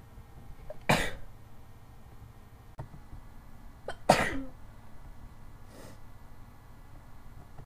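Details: Two sharp, explosive bursts a few seconds apart over quiet room noise, a sneezing bout with a runny nose while a window was open; sneezing.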